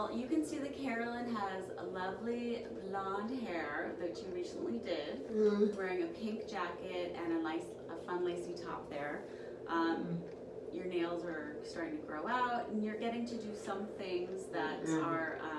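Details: Adult woman speaking; Normal speech.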